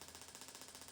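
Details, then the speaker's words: Shockwave therapy on the front of a model's shoulder for biceps tendinopathy, at 12 Hz with 2,000 shocks, low bar pressure and gel: rapid, regular sharp clicking pulses as the device fires. "as you can see with our model here it can be quite a shock when we start up a shock wave machine so it's always really useful to warn your patient how the machine is going to sound and you can even start it and apply it on yourself briefly just to get them used to it"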